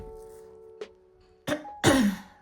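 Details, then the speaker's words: Two short, rough throat-clearing bursts from an adult who says her throat is hoarse, heard over soft background music. "నా గొంతు బొంగురుగా ఉంది, సరే."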